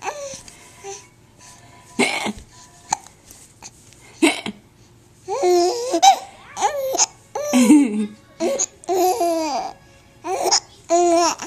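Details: Child laughing, recorded on a Flip Video camera: bursts of giggling laughter broken by sharp, abrupt vocal catches; hiccups.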